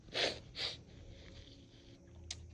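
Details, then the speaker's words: Adult with fall allergies and a constantly tickly, itchy nose: two sharp, quick sneezes in a row, then a soft sniff, with repeated sneezing that won't stop despite nose rubbing. "no matter how much I sneeze or how much I rub my excuse me rub my no oh my God excuse me wow how much I sneeze or rub my nose I just can't stop"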